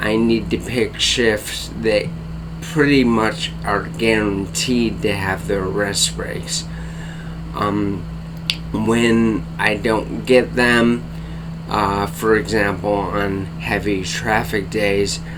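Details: Dysarthria in an adult man with bulbar-onset ALS diagnosed April/May 2014, affecting speech and face, tongue and mouth muscles; tongue weakness, cannot speak rapidly, must take great care to speak clearly.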